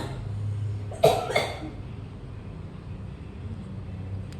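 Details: Chronic cough that has not cleared, which the patient links to heavy lifting; two short, fairly dry coughs over a steady vehicle-like background hum.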